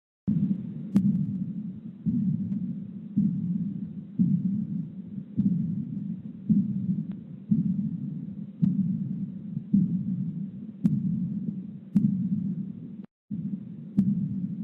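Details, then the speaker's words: Real patient recording with phonocardiogram: regular heart sounds near 54 a minute, each followed by a blowing decrescendo diastolic murmur, loud then fading; aortic regurgitation murmur. "so here's what aortic regurg sounds like it's a decrescendo look at that sideways cone uh decrescendo diastolic murmur"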